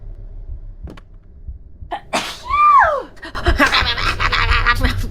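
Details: During a livestream, a female streamer who says she has been sneezing gives a single sneeze: a rising, breathy intake, then a sharp explosive burst, with chatter and music behind.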